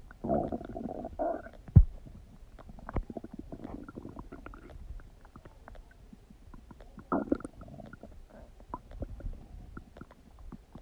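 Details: Loud gurgling and rumbling from the abdomen, typical bowel sounds (borborygmi) of digestion.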